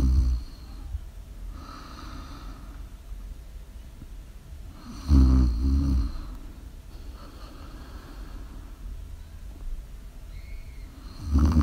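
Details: Live ASMR recording of a sleeping adult: deep, rumbling snores in slow cycles, with steady low room noise between breaths.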